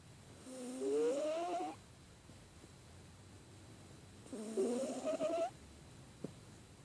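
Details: Two rising, whistly snoring breaths several seconds apart in a quiet room, from a female who has a cold; snoring.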